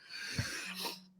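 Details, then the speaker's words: Adult man with a raspy voice and a small airway after many surgeries while growing up; brief harsh hissing breath with a faint whistle: noisy breathing through a narrowed upper airway. "bly can hear my air breathing I have a pretty small Airway I've got had a bunch of surgeries growing up and it's just you know something I've always had to to live with"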